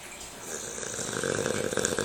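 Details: Boston terrier asleep, snoring with a rough, fluttering snore that builds through the clip.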